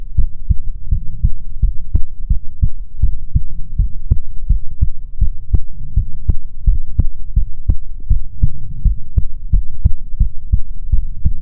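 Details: ASMR heartbeat recording: steady, regular, deep heartbeat thumps with a soft low hum underneath; normal-sounding heartbeat.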